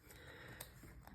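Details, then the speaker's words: Adult getting over the flu, with a lingering cough and throat clearing: a single brief, quiet nasal sniff from a congested nose in a small room. "please excuse my voice the sniffling the throat clearing I'm I'm over the flu but there's like all of this resid ual stuff like this cough that I can't seem to get rid of"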